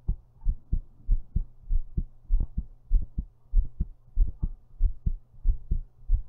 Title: thumpy heart while lying down